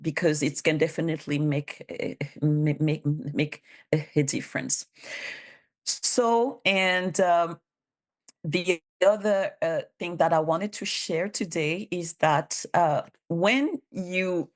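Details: Real adult bilingual woman, a public servant in Canada, with stuttering she has self-declared as a disability, supported by speech therapist documentation; stuttering.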